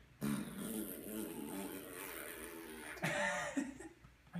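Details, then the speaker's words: Newborn baby boy in his first three weeks: a long, low, sputtering fart lasting a few seconds, with warm air felt by the parent, followed by a brief burst of room noise. Ordinary infant flatulence. "I think you may be pooping right now though it's hot in there it's like hot I can feel the air in there oh my God so long it was"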